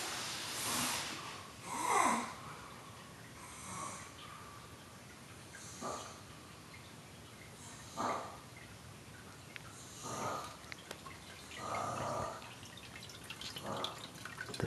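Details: Man sleeping on the other side of a wall in the early morning: irregular, noisy, snorting breaths, about six in fifteen seconds, some choking and gasping in quality; loud, alarming snoring.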